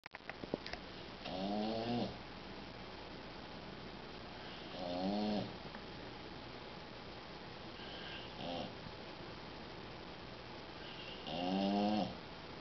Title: Boxer snoring (Lucas)